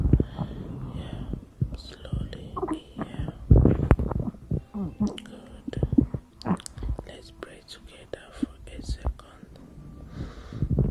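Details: Postpartum woman's stomach, attributed to stress: irregular low gurgles, squelches and brief rising squeaks of an active stomach, consistent with normal bowel sounds.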